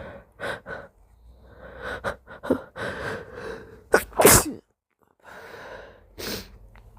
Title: Build ups and hitching leads to a few moist sneezes #sneeze #sneezing #snz